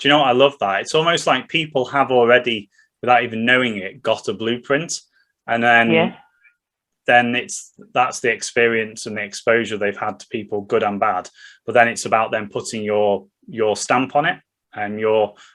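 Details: Adult speaker, podcast conversation; Ordinary conversational speech.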